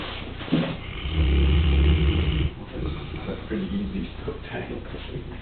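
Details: Short-haired Newfoundland dog snoring while resting in the afternoon: loud, low rumbling snore on the in-breath with snorting, amid room noise and background talk.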